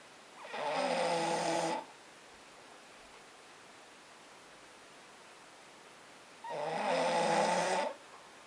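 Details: Sleeping British Bulldog using a patient Boxer as a pillow: two long, loud, rattling snores about six seconds apart against quiet room noise; ordinary dog snoring.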